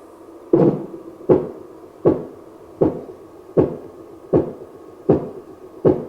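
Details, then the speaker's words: Simulated Korotkoff sounds from a GERi/KERi training manikin's arm, played through its external audio. The cuff is inflated past 200, then slowly deflated, giving regular soft tapping beats at about 79 a minute. "slowly allow the air to release and listen for the five kurodo cough sounds"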